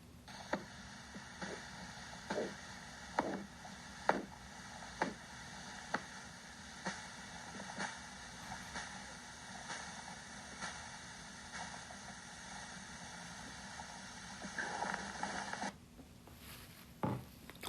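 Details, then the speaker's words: Korotkoff sounds during manual blood pressure measurement as the arm cuff deflates from high pressure: regular tapping with some swooshing at about 65 a minute grows louder, then softens and disappears, marking systolic and diastolic pressure. "you'll notice there that tapping sounds with some swooshing were heard became louder and gradually softened and disappeared"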